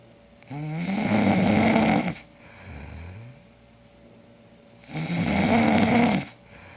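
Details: Man snoring so loud he wakes himself up, poster suspects borderline sleep apnea: two loud, harsh, rattling snores on breathing in, each about 1.5 seconds, with a quieter breath out between; snoring.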